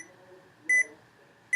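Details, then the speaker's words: Automatic home blood pressure cuff starting measurement in an adult: short high electronic beeps as it inflates over quiet room noise; reading 126/73; blood pressure monitor beeps. "now it's going to start it beeps and it'll start [Music] inflating the beeping is to measure your heart"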